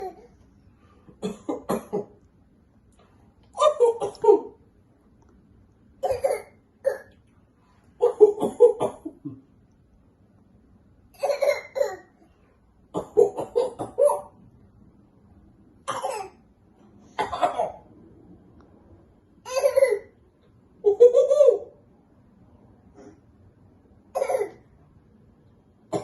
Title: Coughing .... rather pretending to cough .... enticing daddy to play